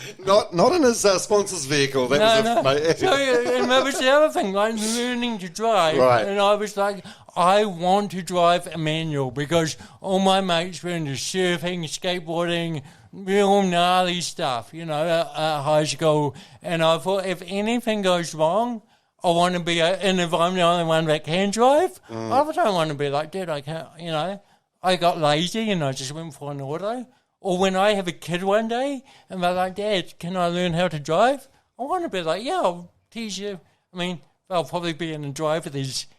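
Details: Adult man with congenital cerebral palsy, a brain injury from oxygen loss during birth, with thinking intact, who has had speech therapy; real dysarthria (cerebral palsy).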